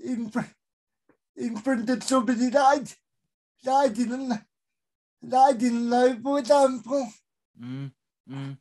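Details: Adult male with a severe type of cerebral palsy; dysarthria.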